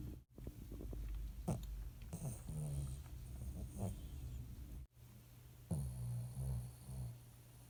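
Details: Low rumbling, snorting breaths with nasal rattles from a sleeping rescue Shih Tzu dog; snoring.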